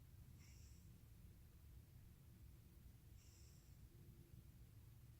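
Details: Two faint, high whistling breaths about three seconds apart, like little puffs of air, hard to hear; noisy nasal breathing during sleep (snoring).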